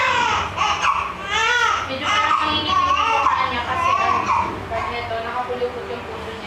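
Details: Hospital birth; newborn cries loudly and continuously in rising and falling wails with room noise behind; vigorous newborn cry.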